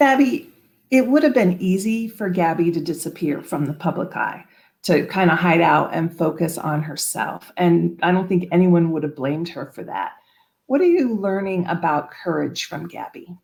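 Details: Adult woman speaking; normal fluent speech.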